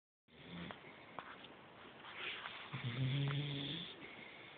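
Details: Beagle sleeping: low rumbling snore, one drawn-out snoring breath with faint room noise.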